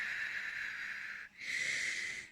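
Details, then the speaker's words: Day after lung wash, patient unable to breathe through nose, with air hunger, trying to catch breath: harsh high-pitched whistling breaths in and out with a brief pause; laboured wheezy breathing. "Also, because I keep forgetting that I can't get any air basically through my nose, so I end up with air hunger and breathing like this to try and catch my breath"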